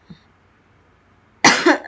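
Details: Cough from a sick student with a sore throat who coughed throughout a recorded presentation: a single short, sharp cough burst after a faint throat sound, in a quiet room.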